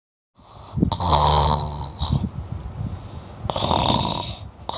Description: Ini adalah suara ngorok, bagi yang mau menggunakannya kembali saya persilakan.